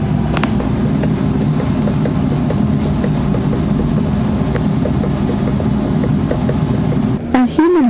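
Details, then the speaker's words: Dog's heartbeat (pet dog), pulse being taken; rapid, regular soft beats faster than a human's, up to 180 beats per minute, over a steady background hum: canine heartbeat. "Their heartbeat is a little bit different than ours. It's a lot faster, up to 180 beats per minute. Their heartbeat sounds like this."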